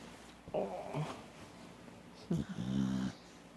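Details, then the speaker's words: Red snoring with eyes wide open, lying on Grandma after sleeping all day: two short, low, rattling snore-like breaths in a quiet room; snoring. "How are you snoring? Your eyes are open."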